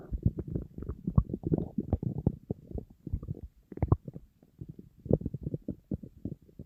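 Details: Hunger borborygmi from an empty stomach of a dieting person surrounded by food: continuous low gurgling and rumbling, normal hunger growling that barely stopped all day.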